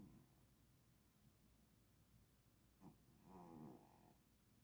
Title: cat snoring.